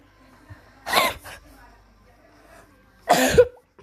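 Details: Person who says they are sick, coughing while playing a video game; two short, harsh cough bursts separated by a quiet pause in a small room; cough.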